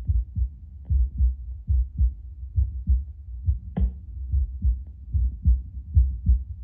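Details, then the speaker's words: An adult's own heartbeat through a Bluetooth Littmann CORE stethoscope about two minutes after espresso. The rate has not changed much, and the beats sound stronger. Normal heart sounds. "Just like listening per minute doesn't seem to have changed too much. Sounds like my heart's just beating a little bit stronger."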